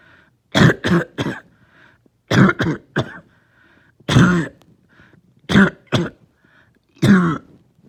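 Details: Lingering cough that started last night, with headache: clusters of two to three deep, throaty coughs with pauses between runs.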